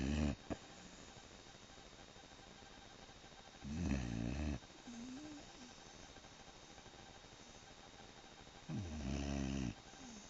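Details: Eight-month-old snoring loudly while asleep: two long, loud rumbling snores several seconds apart over steady room noise.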